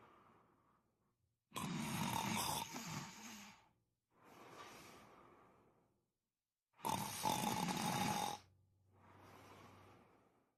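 Loud rattling snores on each breath in, with softer breaths out, about two cycles heard; typical snoring.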